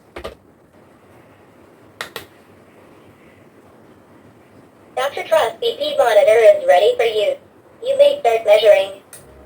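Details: A few button clicks and a quiet pause, then a recorded voice announcing the reading from a Dr.Trust digital talking home blood pressure monitor, run on a power adapter, for a person with hypertension.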